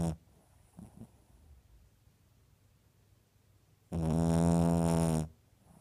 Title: Snoring 4/15/15